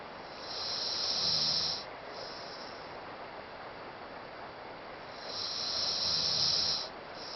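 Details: Two long, hissing breaths with a faint low buzz, about 12 a minute, from Tala, who snores even when not asleep; light snoring.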